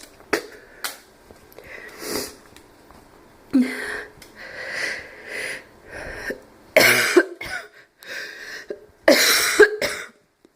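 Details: Slight barking cough with wheezing: hoarse, slightly barking coughs between breaths carrying a thin whistling wheeze.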